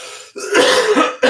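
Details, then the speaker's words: Adult with a cold for about 8 days, nasal congestion, COVID tests negative, wonders about walking pneumonia: a single rough, throaty cough with a slightly loose, wet quality. "you can hear it in my coughs like a little wet. I hope I don't have like walking pneumonia."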